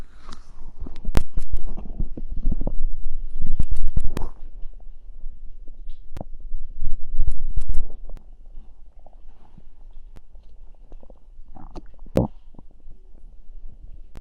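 Low gurgling rumbles with scattered pops and crackles, loud at first then fading: ordinary stomach growling.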